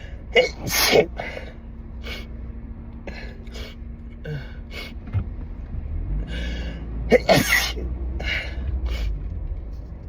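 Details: Repeated sharp, muffled sneezes with quick gasps between, over road noise: an allergic sneezing fit in a car, triggered by pollen, wedding flowers and a strong synthetic air freshener. With no tissues, the sneezes went into the dress fabric.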